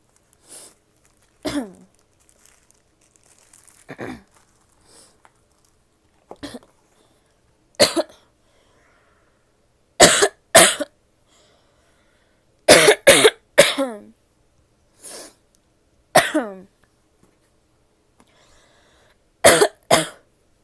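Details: Adult woman coughing repeatedly in short, separate bursts, some in quick pairs, with quiet gaps between.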